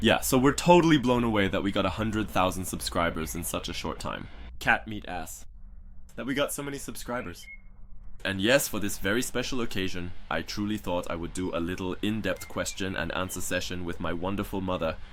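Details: Young adult man (born 1998) with Tourette syndrome who tics every second and early on shouted whole sentences; complex vocal tics interrupting speech.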